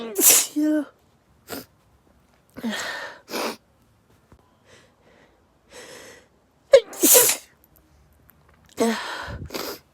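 A run of forceful, explosive sneezes with gasping in-breaths and brief voiced sounds between them; a sneezing fit.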